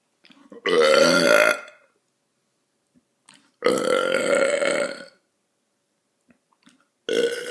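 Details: Person burping: three long, loud, rumbling burps separated by silence, the last one cut off.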